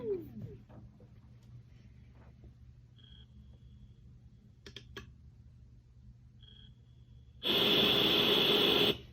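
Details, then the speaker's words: ResMed Astral ventilator, step 1 of 3 device self-test with no tubing or oxygen connected; faint beeps then loud steady rush of air for about two seconds; ventilator self-test airflow. "So you'll notice that the device pushed air there. That is a device test."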